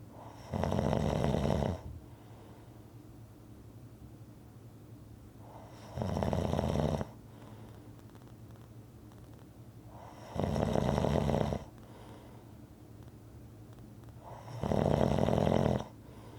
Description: Rhythmic snoring audio to relax to